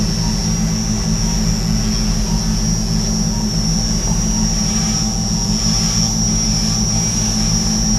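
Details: Arthroscopic burr entering from the back and slowly advancing forward along the acromion of a right shoulder during subacromial decompression: continuous low motor drone with a steady high whine while shaving bone.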